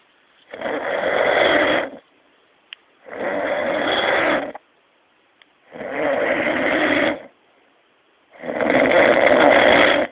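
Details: Man snoring heavily: loud, harsh, rasping snores about every 2.5 seconds (roughly 24 a minute) with quiet pauses between them.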